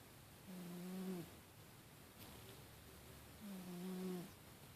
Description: My fast asleep cat snoring away!